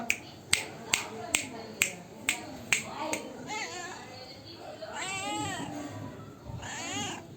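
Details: Kitten hiccups: seven sharp, regular hic-like clicks about every half second, followed by meows.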